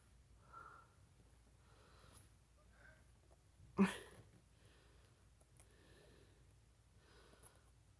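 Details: April Fools' Day sneeze: quiet breathing in a small room, then one sudden forceful sneeze, followed by more soft breaths.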